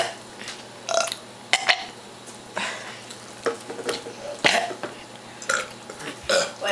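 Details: Kids burping deliberately to entertain themselves at home: several short, croaky burps, some voiced, over steady room noise; repeated ordinary belching.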